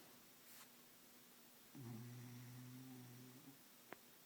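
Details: Snoring: a single drawn-out, low, buzzing breath of about two seconds against quiet room noise.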